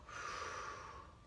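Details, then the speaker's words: Posterior lung auscultation of a female patient taking deep breaths in and out, listening for bronchial versus vesicular sounds: normal deep breathing. "i'm going to have her uh take a breath in and i'm gonna listen for bronchial this vesicle take a breath in again"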